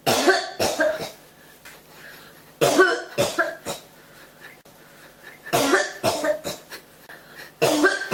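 Repeated harsh cough bursts, about nine in eight seconds, in short runs with brief pauses between; a persistent cough.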